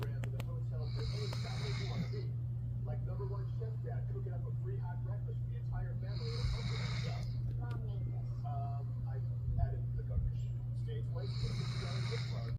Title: DOBERMAN GEMMA SNORING IN A DEEP SLEEP AFTER MEDICINE FOR HER EARRACHES AND EAR MITES. ❤️ 💤